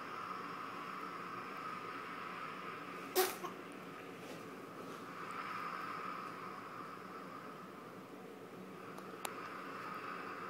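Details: Single short, sharp sneeze over steady background hum, then quiet, from a baby girl while swinging; sneeze.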